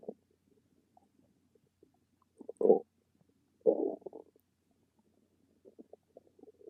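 Two soft gurgling rumbles with faint scattered bubbling, typical ordinary stomach rumbling from gas and fluid moving through the gut.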